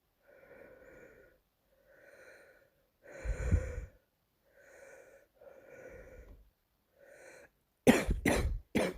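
Several muffled bursts with quieter breathy sounds between, ending in three sharp loud coughs; a recurring morning coughing episode.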